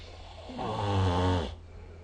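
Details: Snoring during sleep recorded with the SnoreLab phone app.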